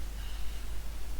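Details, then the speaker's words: Pet dog snoring in the background at home. "If you can hear Drax in the background snoring his little head off."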